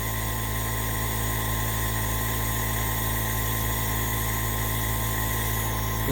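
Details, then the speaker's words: Omron NE-C28P compressor nebulizer running during a treatment demonstration with nebulization mask attached, mist coming out: steady buzzing motor hum with fast vibration throughout. "put the edit mask for nebulization like this one on the device and turn on the device so you will see the steam is coming here"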